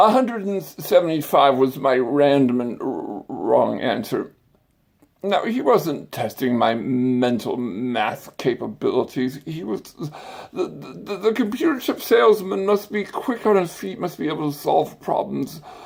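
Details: Adult man with an acquired stutter and speech impediment that began after brain surgery with complications the previous summer; stuttering.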